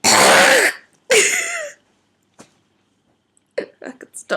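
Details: Whooping cough, week 5 day 6: two forceful, harsh involuntary throat-clearing bursts followed by small throat clicks, attributed to swollen, tight vocal cords and spasm.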